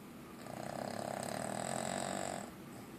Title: Rex snoring